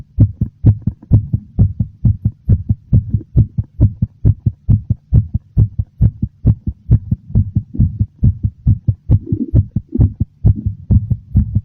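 Strong, regular heartbeat at about 136 beats a minute, loud and clearly heard; a slightly fast rate.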